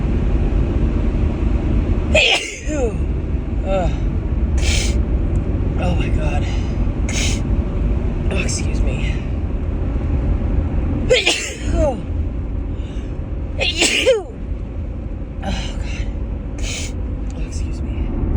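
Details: Three sneezes with short exclamations between them over loud car road noise; a woman's repeated allergy sneezing in March, saying the car brings on instant sneezing.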